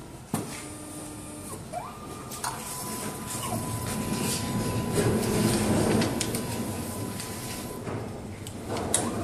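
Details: MSLAB07 automated blood analyzer powering on after reagent and tubing setup. Startup tones, then steady mechanical whirring, clicks and sliding motor sounds of normal operation.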